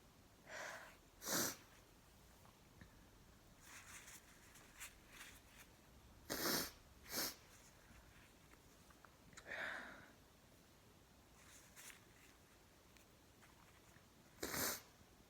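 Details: About five sharp, explosive sneezes at irregular intervals with sniffs and quieter breaths between, induced by chhinkni sneezing powder used for the first time.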